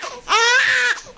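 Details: Newborn baby crying: one short, loud, shrill cry lasting under a second.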